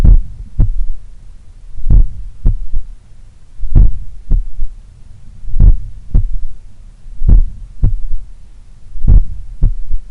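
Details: Slow, powerful heart contractions recorded at the apex in the morning, lying on the left side; third heart sound (S3) from blood recoil or a slightly larger, supple left ventricle, clearly heard with headphones.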